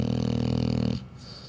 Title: PIit bull snoring ;) 😍😍😍😍